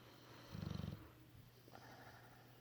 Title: Sleepy Bulldog lip bubbles while snoring